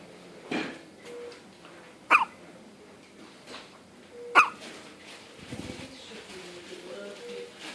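A few sharp, abrupt hiccup-like clicks from a dog, spaced a couple of seconds apart, with faint room noise between; hiccups.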